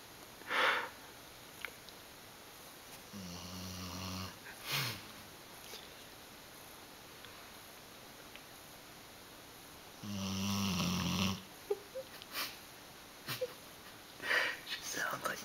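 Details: Dog sleeping at night, snoring unusually loudly: two low, vibrating inhaled snores several seconds apart, with soft snorts and sniffs between them in a quiet room. Recording sound is fairly low. Dog snoring.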